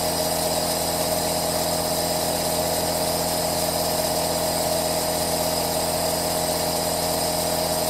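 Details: Aerosol nebulizer recorded as 10-hour 3D ASMR white noise: loud continuous buzzing hum with hiss, steady throughout; nebulizer compressor running.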